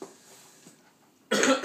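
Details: Young child's playful voluntary cough on request: after a quiet stretch, one short, sharp imitation cough, not from illness.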